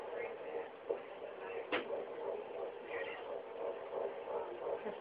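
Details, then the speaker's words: Fetal heartbeat on Doppler at 12 weeks 3 days: fast, rhythmic whooshing pulses near 170 a minute, like a galloping horse, distinct from the mother's squishier sound. "mom sounds more like a squshy noise bab sounds like the galing horse"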